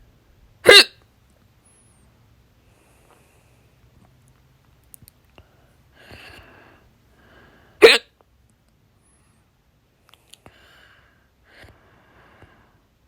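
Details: Two loud, sharp hiccups about seven seconds apart, with faint breathing between them in a quiet room; the hiccups came after overeating and were painful in the throat.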